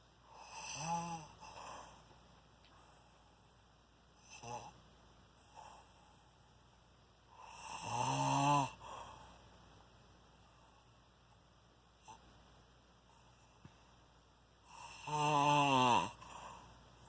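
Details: Snoring on the second night at 4:40 am, described as shocking: three loud rattling snores over about 17 seconds with softer breathing between, in a quiet room.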